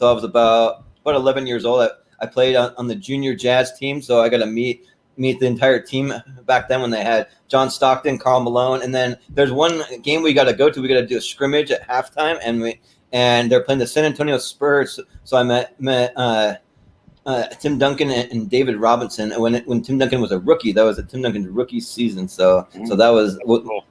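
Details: Stuttering present since birth in an adult male, more noticeable when talking fast.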